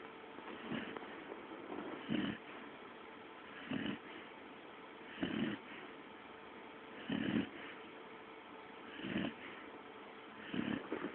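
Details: Repeated rough, rattling snores about every two seconds, roughly 30 a minute, from a sleeping pet dog: snoring.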